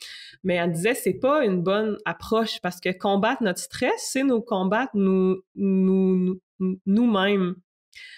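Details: 64-year-old recently retired adult who stutters, who chose to change his relationship with stuttering after retiring, over a year ago; stuttering.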